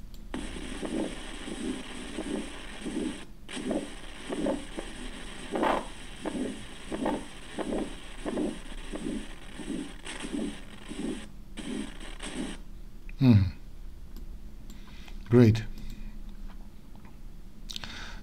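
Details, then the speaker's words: Aortic stenosis murmur in a cardiac auscultation teaching recording: rapid regular heartbeats, about 100 a minute, each with a harsh rising-falling (crescendo-decrescendo) systolic murmur. "Okay, let's try aortic stenosis murmur. Once again, aortic stenosis murmur."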